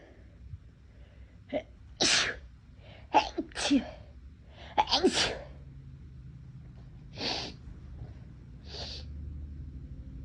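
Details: Series of about six sharp induced sneezes, some in quick doubles, with sniffs and breaths between; adult whose nose felt unusually sensitive that day, sneezes deliberately induced.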